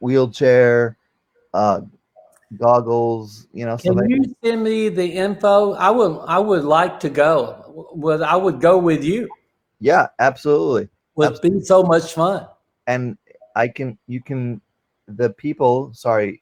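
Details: Male with non-fluent aphasia since a stroke during heart valve surgery in 2007, initially able to produce only two single words; non-fluent aphasia.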